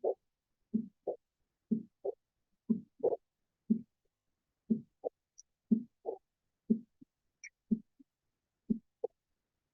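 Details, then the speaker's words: Aortic regurgitation murmur played in a teaching auscultation session: steady heart sounds at about 60 beats a minute, with a brief higher-pitched diastolic blow after each second sound as blood flows back. "Tapi kalau di sini artinya kembali lagi setelah ke sana kembali lagi setelah ke sana kembali lagi. Jadi jadi tidak sesuai aliran normalnya."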